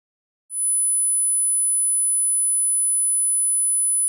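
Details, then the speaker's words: Hearing test over headphones: after a brief silence, a steady, very high-pitched 10,000 Hz pure tone plays in the right ear. It follows the 6,000 and 8,000 Hz tones. "okay guys so first tone 6,000 Hertz okay so let's go now to 8,000 Hertz okay now 10,000 Hertz you"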